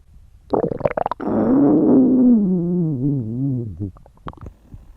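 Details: Girls' stomachs growling at the limit of hunger: a loud, drawn-out, wavering low gurgling growl lasting a few seconds; normal bowel sounds (borborygmi).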